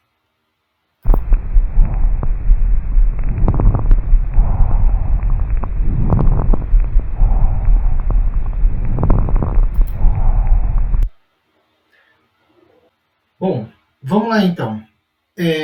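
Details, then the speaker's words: Crackles occurring throughout the whole respiratory cycle (pan-inspiratory crackles). "e por último nós vamos ouvir uma crepitação que vai acontecer em todo o ato respiratório"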